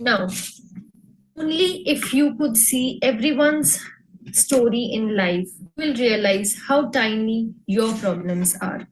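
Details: Adult woman speaking; normal speech.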